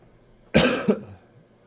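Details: Person whose voice is nearly gone, coughing while talking. Cough.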